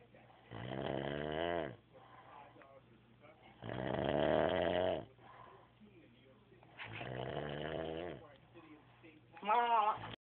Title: Someone snoring prank (: